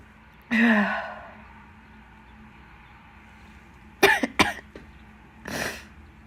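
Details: Several sudden, forceful, wet explosive sneezes with quieter gaps, from a person with an itchy nose during bad pollen season; repeated sneezing.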